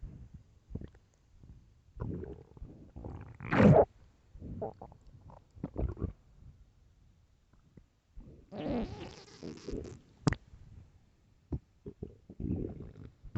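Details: Repeated low gurgling rumbles and squeaks from a hungry, empty stomach: borborygmi, recorded for headphone listening.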